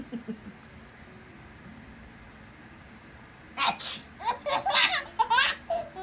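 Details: Playful imitated sneeze in front of a baby, followed by the baby's bursts of laughter; not a real sneeze.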